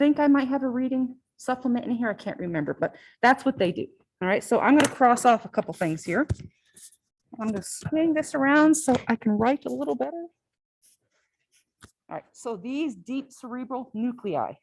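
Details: Adult woman lecturing; ordinary speech.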